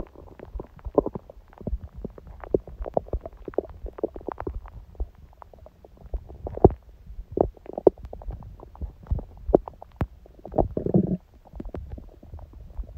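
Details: Quiet stomach and bowel sounds from someone whose stomach stayed mostly silent after a smoothie breakfast and salad.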